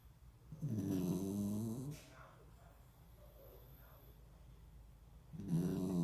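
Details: Sleeping dog lying on its back: loud, rumbling snores on two in-breaths about five seconds apart, with quiet out-breaths between.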